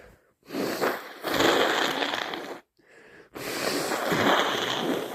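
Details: Two loud, wet, explosive sneezes or forceful nose blows separated by a brief pause.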